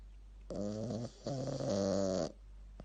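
Two wheezy, whistling snorts on the in-breath from a small dog, with a nasal, buzzing tone; snoring.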